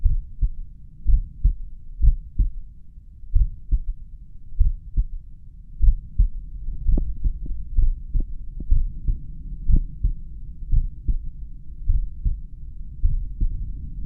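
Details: Person's own resting heartbeat, probably at the mitral area, with a pulse oximeter counting the rate and its low heart rate alarm sounding at times: slow, regular two-part heartbeat at about 50 a minute; bradycardia.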